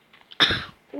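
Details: A single short, sharp cough in a quiet room, from a speaker who apologizes for coughing; a plain cough.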